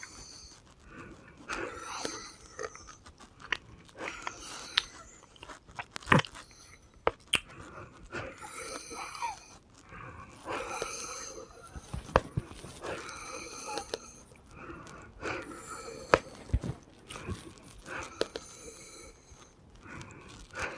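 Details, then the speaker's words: Noisy, whistling breaths with musical high-pitched tones and scattered clicks in a girl around 1:55 a.m., after her last breathing treatment: wheezing from narrowed airways. "I'm listening to your breathing. You already did your breathing treatment. You shouldn't be breathing like that."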